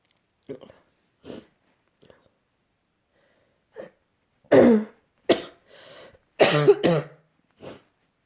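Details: Person with a cold that has worsened, cough getting worse, exhausted and sleeping most of the day: soft throat noises, then several loud harsh coughs in quick succession, quiet room; cough.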